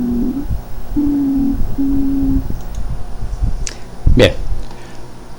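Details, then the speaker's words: Stridor in a child at normal tidal volume, before any deep breath: steady harsh musical tones heard on both inspiration and expiration, from a narrowed upper airway. "ya se puede percibir tanto a la inspiración como la espiración ese ruido áspero llamado este herido"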